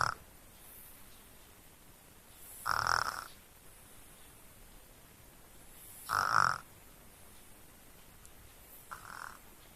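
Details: Sleeping baby snoring: three soft, rough, buzzing breath sounds, roughly 17 a minute, against steady background hiss.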